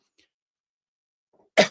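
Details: A single sudden loud explosive sneeze after near-silence and a faint catch of breath, from an adult livestreamer who says they have an ongoing dry cough and have a cough drop in their mouth.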